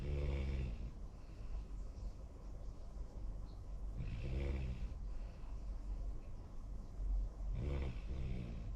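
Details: Low rumbling snores from a sleeping young Labrador–golden retriever mix dog, about three breaths in nine seconds, with a soft snort on each in-breath.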